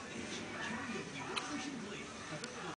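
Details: Infant niece's first hiccups: two brief, sharp little squeaks about a second apart over steady room noise.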